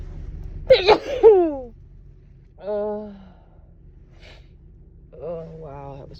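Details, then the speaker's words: Woman with allergies sneezing after a nose tickle: a sharp gasping intake, then an explosive sneeze, followed by sighing breaths; allergic sneezing. "Oh, my allergies have been bothering me today. I think I have to sneeze again. God, it tickles."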